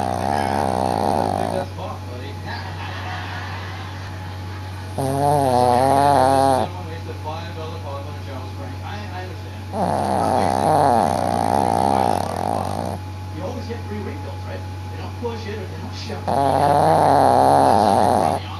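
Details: Pet snoring, described as louder than a 200 lb man: loud, rough, rattling snores every few seconds, each drawn-out breath fluttering, over a steady low hum.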